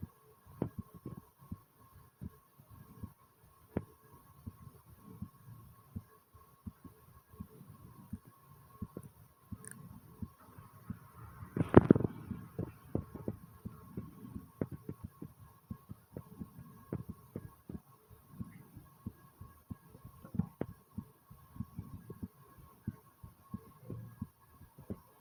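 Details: Brief heartbeat recording: a steady, strong heartbeat at about 75 beats a minute, with one brief rubbing noise midway.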